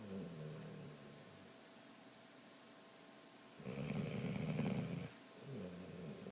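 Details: A sleeping dog makes soft snuffling snores with one louder rattling snore, over faint room hum; snoring.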